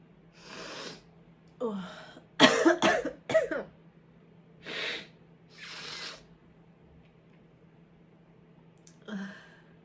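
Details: A sharp, forceful double-burst sneeze with breathy sniffs and exhalations around it, from a person who is sick; sneeze.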